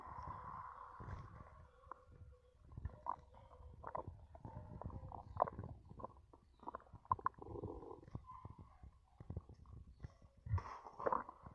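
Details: Irregular gurgling, bubbling, low rumbling and squeaky fluid gurgles from the abdomen, with burps, while chugging Coca-Cola: stomach rumbling (borborygmi).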